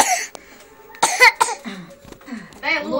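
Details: Person being treated for a cough: a short run of two or three harsh cough bursts, with voiced sounds before and after.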